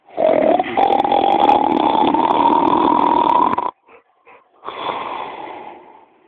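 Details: A long, loud, buzzing snore, then a short pause with a few small snorts and a second, fading snore. Snoring.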